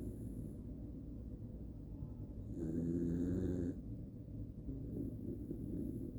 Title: This Jack Russell Snores Louder Than My Dad